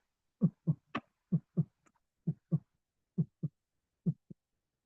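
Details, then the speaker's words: Auscultated heart sounds, regular near 65 a minute, with a soft extra knock just after S2: an S3 gallop, which may indicate heart failure or volume overload but can be normal in some patients. "الاس 3 يا شباب بسمعه خبطه بعد اس 2 ادي عندي هنا تمام اس واس 2 اس 3 بسمعه هنا يا شباب خبطه بعد اس 2"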